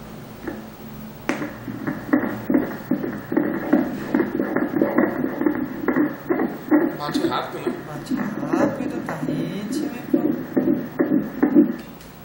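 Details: Fetal heartbeat of a male fetus on prenatal ultrasound, recorded after the face was shown: fast, rhythmic whooshing pulses at about 140 beats per minute, a normal fetal heartbeat.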